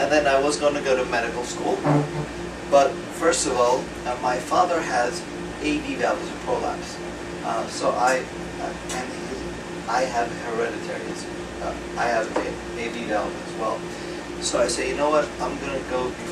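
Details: Man with acquired aphasia after a 2014 left-hemisphere stroke from a torn carotid artery; initially paralyzed and speechless, right-side movement since returned; words slowly returning with ongoing speech therapy; real patient; aphasia.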